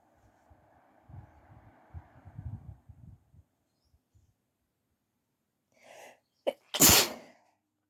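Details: Morning sneezes while still sleepy, with a tickly throat and some coughing; soft breathing and sniffing, then a short catch of breath and one loud explosive sneeze.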